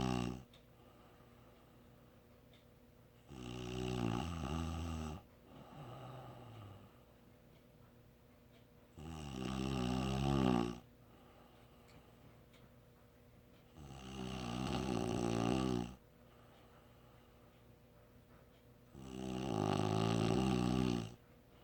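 Loud rasping snores recur about every five seconds, roughly 12 breaths a minute, over a low steady hum.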